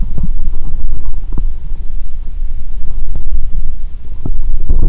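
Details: Adult at a stethoscope on her own abdomen around midday, hungry since waking, just before eating Mentos and drinking cola: low rumbling and gurgling with scattered short pops; ordinary bowel sounds.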